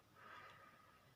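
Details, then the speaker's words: Daughter snoring in the background: a single faint, distant snorting breath with a slight whistling edge; snoring. "you can probably hear my daughter in the background snoring I do apologize about that"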